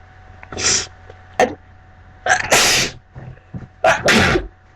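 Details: Three sneezes, each with a sharp indrawn breath before the burst, over a faint steady hum; person with a congested nose.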